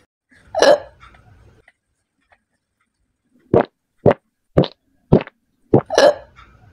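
A run of short, sharp, evenly spaced gulping bursts about half a second apart, with a louder burst before and after: hiccups.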